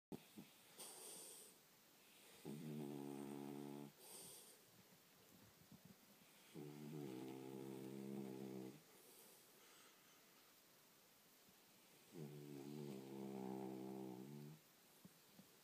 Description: My 5 year old Chihuahua Charlie has a snore that is hard to believe.